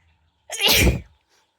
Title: WIDE NOSE SNEEZES PHILIPPINES.